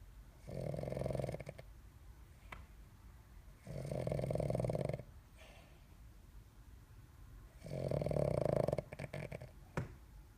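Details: Snoring: loud, rough, low-pitched snores on breathing in, three in about ten seconds, with quieter breathing out between them.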